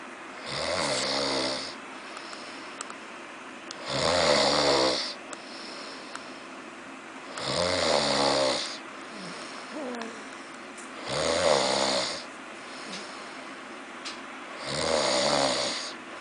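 Five loud, rattling snores on the in-breath with quiet pauses between, about 18 breaths a minute; regular snoring.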